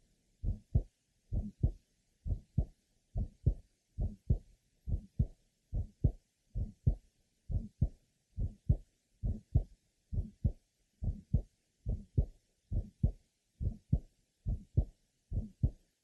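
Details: Asymptomatic 15-year-old girl with a congenital bicuspid aortic valve, lower left sternal border, about 70 a minute. Early systolic ejection click with a grade 3 somewhat musical systolic murmur.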